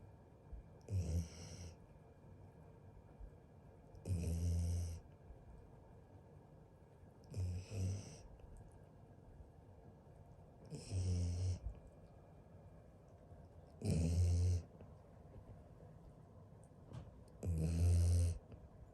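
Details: Very sleepy boy asleep: loud, deep rattling snores on each breath, about 17 a minute, with quiet pauses between; regular snoring.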